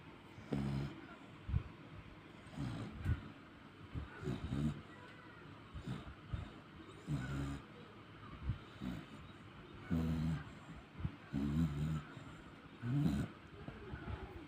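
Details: Sleeping dog snoring: low rumbling snores with each breath, about 20 breaths a minute.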